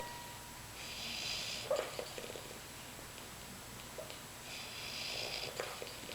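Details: Soft, airy snuffling breaths with occasional short grunting snorts from a sleeping pig: snoring.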